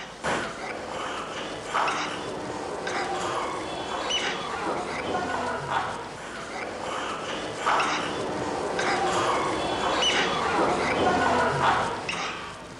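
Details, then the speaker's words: A young child aged 2 months to 5 years with wheezing, a sign of narrowed small airways as in asthma or bronchiolitis: rapid noisy breathing with a musical whistle on breathing out. "this child has wheezing look at the chest and listen for the wheezing noise as he breathes out"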